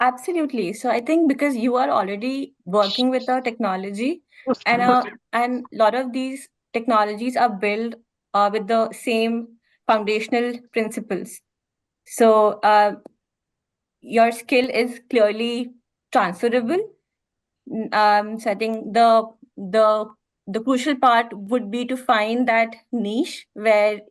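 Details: Adult woman who stammers, which she describes as more pronounced on vowels than on consonants, like a catch in her throat, speaking in a podcast interview: stuttering.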